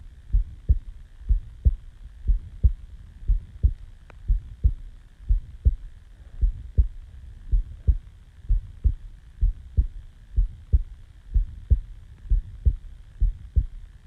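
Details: Heartbeat recorded just after waking from sleep: steady, regular paired low thumps at about 60 beats a minute with quiet background hum; normal resting heartbeat.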